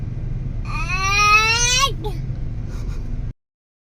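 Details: Infant just over ten months old who keeps sneezing: a single short, high wailing cry that breaks off, over steady low engine-like background noise; brief infant cry.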